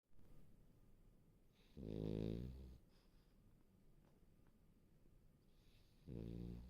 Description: warm and cozy Frenchie, snoring away...